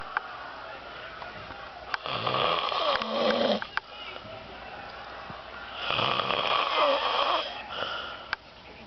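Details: Snoring from a female.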